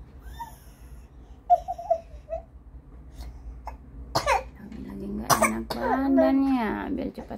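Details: Toddler with a cough and cold, outdoors being sunbathed: a few short coughs, then fussing and whimpering, amid outdoor background sounds.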